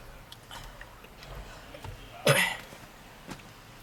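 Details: Woman smoking in a car, with heavy wheezing on almost every inhale: one loud, harsh cough burst with a faint second sound after it against quiet car-interior noise; smoker's cough.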